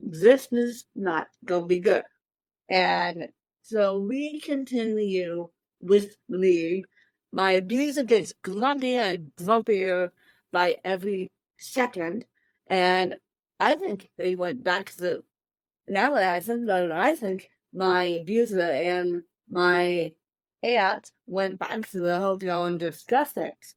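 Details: Adult woman with cerebral palsy since birth, born 13 weeks premature weighing one pound thirteen ounces; dysarthria (cerebral palsy).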